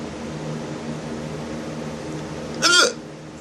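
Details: Hiccup: a single abrupt, sharp voiced hiccup over steady room hum.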